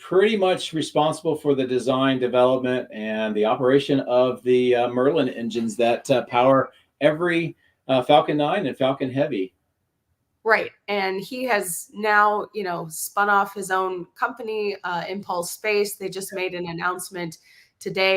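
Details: Adult male speaker; Normal voice.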